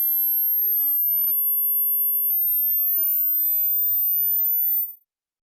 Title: Hearing test